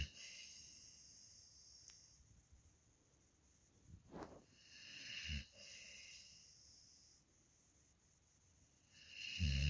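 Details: A few rough, snorting breath noises in a quiet room; intermittent snoring during sleep.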